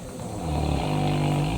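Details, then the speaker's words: Dog snoring during sleep in a hot tent while winter camping: a low, rumbling, buzzy snore rising in loudness over one long breath. "is snoring as you can hear and we're settled in for the night"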